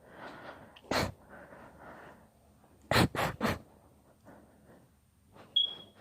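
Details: Deliberately induced sneezing fit: four sharp sneezes, one alone and then three in quick succession, between soft breathing and rustling.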